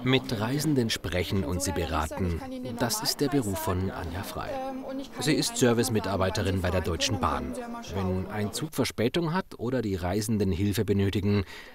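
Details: Adult male narrator; Normal fluent speech.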